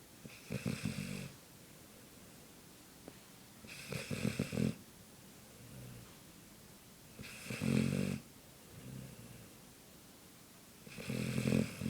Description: Rosco The Labrador Dog Snoring